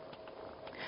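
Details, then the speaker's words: Medela Swing single electric breast pump in its rapid stimulation phase: soft, quick mechanical sucking pulses at about two per second. This phase lasts 2 minutes before the slower expression phase. "starts to flow on the pump these sucks are about two per second and the pump will do these rapid sucks for 2 minutes"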